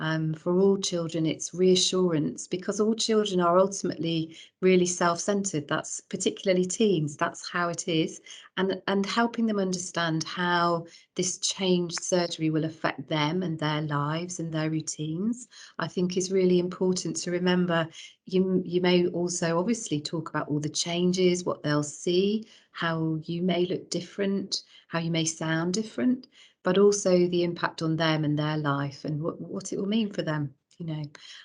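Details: Adult speaker; normal voice.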